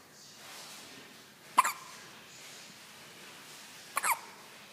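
Two abrupt, sharp hiccup sounds about two and a half seconds apart against quiet background: hiccups.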